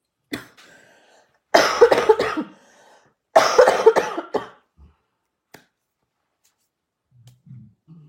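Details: Two runs of harsh coughing, several coughs in each, with a short cough at the start; an adult coughing fit.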